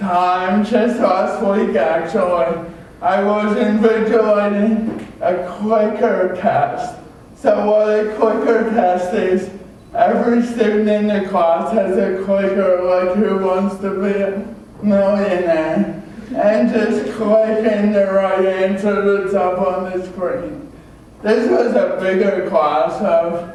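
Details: Adult male with cerebral palsy from oxygen loss at birth (umbilical cord around throat), a type involving muscle stiffness and irregular movements, noticed around age 1; had extensive speech therapy; dysarthria (cerebral palsy).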